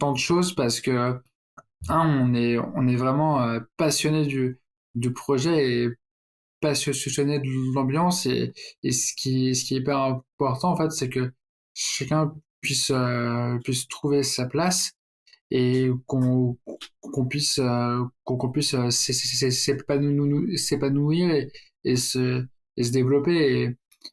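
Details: Stuttering in an adult man who stutters, speaking French.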